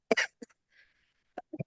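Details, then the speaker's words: Adult coughing while feeling unwell; usually coughs for about five minutes, says it is not a "duck cough" that sounds like a quack, nor a dry smoker's hack; single sharp, loose-sounding cough, then soft breath and short vocal sounds. "I'm not feeling well but boy when I start coughing usually I cough for about five minutes it's like you know do you do you have the what I always call the duck cough that sounds like a quack when it bad you'll probably hear it later"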